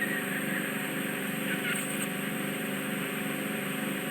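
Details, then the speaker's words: Endoscopic ear microsuction by a nurse removing deep, dark, long-standing, difficult ear wax: continuous airy suction hiss with a steady whine as wax is drawn into the tube. "gently just touch the surface and then hopefully the ball will just jump into the tube like that and then start to pull it all away"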